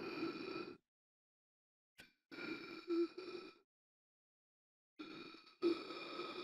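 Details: Sound-effect imitation of gasping for air: repeated strained, voiced gasps in bursts separated by pauses; simulated gasping, not a real patient.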